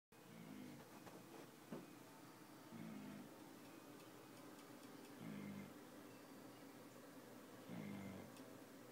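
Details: A dog snoring while sleeping: soft, low snores about every two and a half seconds, four in nine seconds, against steady room noise.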